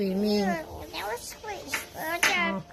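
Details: Young girl with speech delay who is very talkative, speech hard to understand, answering questions about swimming at the beach. Finding: speech delay (unclear child speech).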